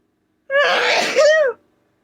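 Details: Woman out of tissues sneezes while talking: one loud voiced sneeze with a sharp inward catch, then a forceful "choo" burst; an ordinary single sneeze.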